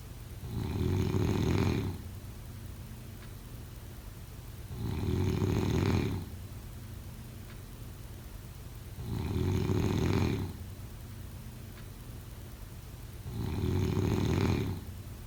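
Four loud, rough, low-pitched snores about every four seconds, roughly 14 a minute, with quiet exhalations between.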